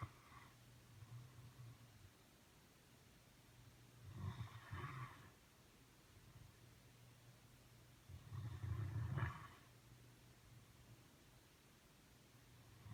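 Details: A pet in deep sleep on its owner's foot, snoring and dreaming: low, rumbling snores about every four seconds (roughly 15 a minute) with a quiet, steady hum between them.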